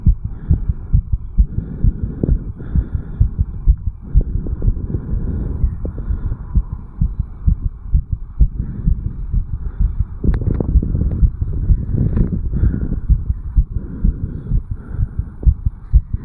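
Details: Rapid, regular heart sounds with a steady low hum, recorded at the mitral area of a 34-year-old male after jogging; reported rate 160–180 bpm, sinus tachycardia after exercise.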